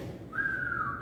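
A sustained high-pitched musical whistle over faint background noise: a simulated expiratory wheeze.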